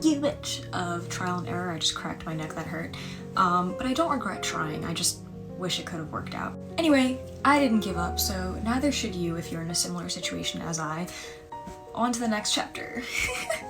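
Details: Coprolalia: involuntary obscene vocal tics interrupting speech in a female with Tourette syndrome, onset around age 13-14, who also has echolalia and late-diagnosed autism.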